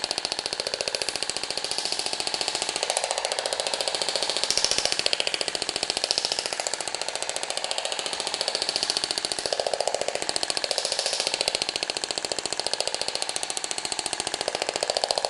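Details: Radial shockwave therapy device treating fibrotic cellulite on a patient in position, after the region was measured and imaging showed fibrosis: rapid, steady clicking pulses at about 15 per second, faint room noise.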